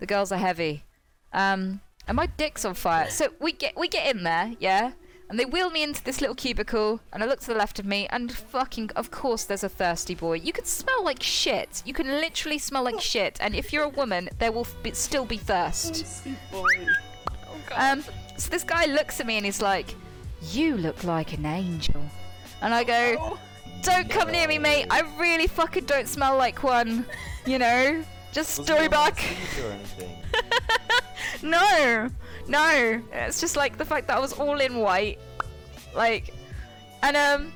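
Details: Tourette syndrome in a female speaker, with involuntary vocal tics including coprolalia interrupting her narration.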